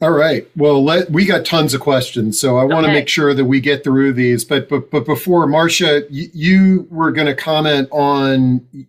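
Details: Adult speaker (panel host); normal speech.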